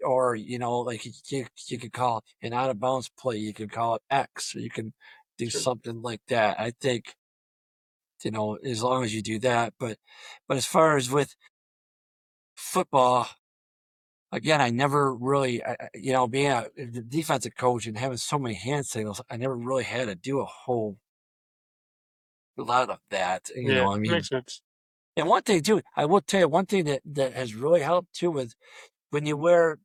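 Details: Adult male high school football coach who has stuttered throughout a career of over 34 years; stuttering.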